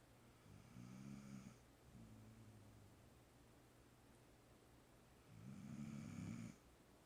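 Low, rattling snores on breaths about 4 seconds apart, with a softer hiss on each breath, typical of a sleeping dog's snoring.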